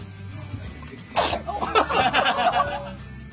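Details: A girl sitting up sneezes: a sudden sharp burst of air, then a short breathy cry-like sound over background music; sneeze.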